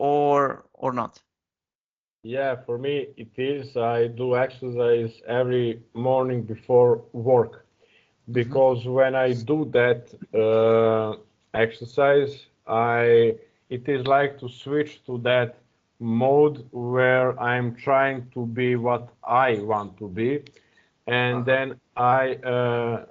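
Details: Real stuttering with blocks and throat pressure in an adult who stutters and does speech-technique exercises every morning before work.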